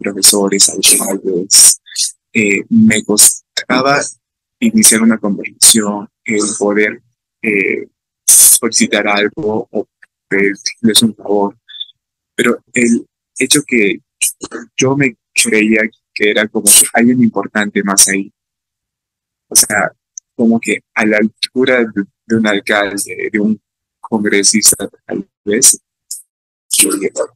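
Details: Stuttering in an adult man speaking Spanish, with fear of stuttering when participating in class.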